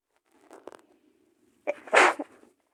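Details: Female sneezing: a faint inward catch of breath, then one sharp explosive sneeze through the nose and mouth.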